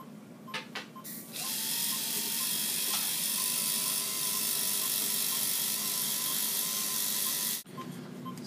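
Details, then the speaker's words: Dog under anesthesia for a dental cleaning: steady high-pitched whir with faint rattling as a technician polishes the teeth after ultrasonic and hand scaling; dental polisher in use. "technician is now using the polisher on the teeth primary function is to in theory keep the tart the bacteria from attaching onto the tooth but it's also aesthetics just makes the teeth all shiny"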